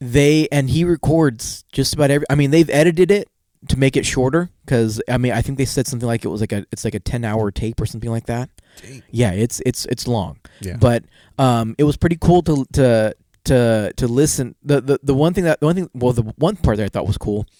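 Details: Adult male with a self-reported stutter that worsens in awkward situations; real, unscripted podcast conversation; finding: stuttering.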